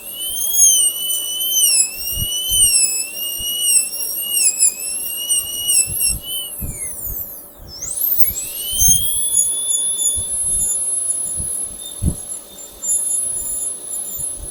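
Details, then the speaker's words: High-speed dental air-rotor handpiece whine that drops off, then spins back up to a steady shrill tone. A straight bur widens an occlusal-pit cavity, first entered with a round bur, during cavity preparation for a glass ionomer cement restoration demonstration. "We can now use a straight bur so as to widen the cavity."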